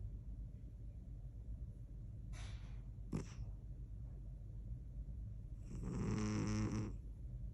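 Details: Sleeping cat snoring: low rumbling breath noise over room hum with a louder rattling inward snore near the end.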